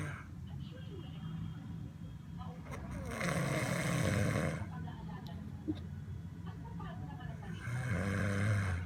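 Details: Soft, low, rumbling snores on each breath from a sleeping baby, with faint room noise behind; snoring.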